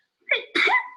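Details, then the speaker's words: An adult woman's small, soft "mouse" sneeze, recorded during a Zoom classroom video. "so I love you guys get to hear my sneeze all the, like just a million times, it's great. Welcome to my little mouse sneeze."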